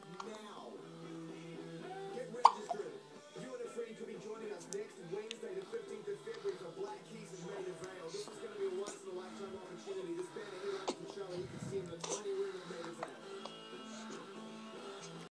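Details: Repeated short, sharp hiccups over background music and talk.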